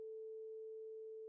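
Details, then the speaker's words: Rinne hearing test: a vibrating tuning fork placed against the mastoid bone gives a steady pure hum, conducted to the inner ear by bone conduction, for comparison with air conduction. "place a vibrating tuning fork against the mastoid bone sound waves now travel to the inner ear via bone conduction"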